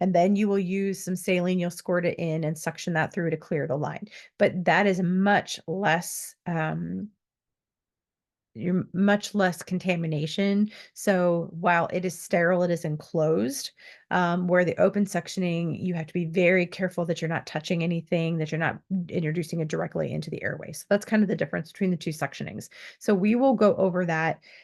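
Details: Adult speaker; typical speech.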